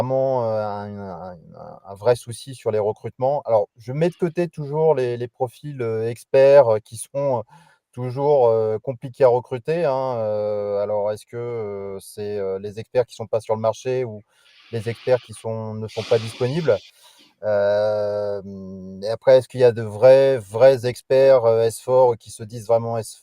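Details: Adult male speaker; normal voice.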